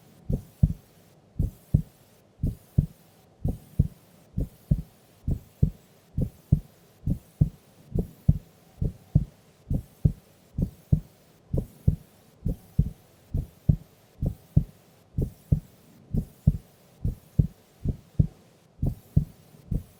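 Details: Sleeping adult female during an afternoon nap: steady, regular lub-dub heartbeat at about 68 beats a minute, normal resting heart sounds.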